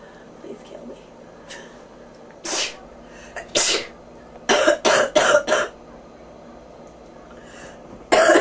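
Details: About eight harsh coughs, several in a quick run of four, with faint rattly breathing between, from a person with bronchitis who mentions fever and ears popping; a chesty bronchitis cough.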